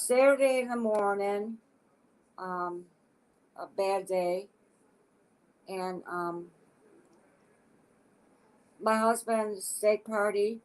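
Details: Adult woman with aphasia acquired after a stroke; aphasia.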